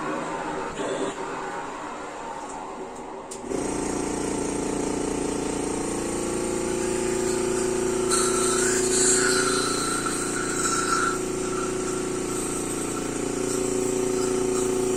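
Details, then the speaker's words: Steady machine whir with rising and falling airflow, music in the background: mechanical insufflation-exsufflation (cough assist) pushing air into and sucking it out of a special-needs child's lungs to simulate a cough, used because her oxygen has been dipping. "so i've mentioned before what the cofficist does but basically it simulates a cough in her it forces air into her lungs fills her lungs and then sucks air back out and that simulates a cough"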